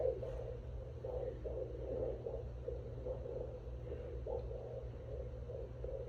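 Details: Fetal heartbeat at 18 weeks of pregnancy, heard at home with a handheld fetal Doppler after gel on the mother's belly: fast, soft whooshing pulses over a low steady hum.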